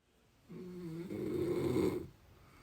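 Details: Snoring in deep sleep: a single loud, droning, rough, buzzy snore of about one and a half seconds on a breath in.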